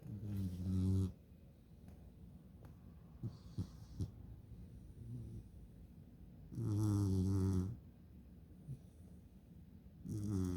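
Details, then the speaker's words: Loud rattling snores from a sleeping Beagle puppy in a funny sleeping position, about three in ten seconds, with faint clicks and room noise between them; snoring. "oh dogs have the funniest sleeping positions he's going to snore"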